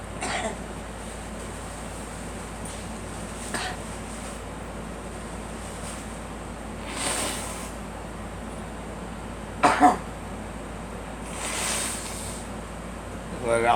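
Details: Girl coughing: about five scattered coughs over fourteen seconds, including a sharp double cough, while an adult urges her to let it out and mentions pollen.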